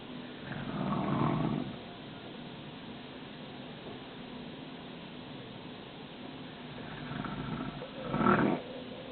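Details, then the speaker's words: Mother snoring while asleep; two loud, rough, rattling snores about seven seconds apart, with quiet breathing between them. "And this is mine, but this is what my mom is doing. She's sleeping and snoring."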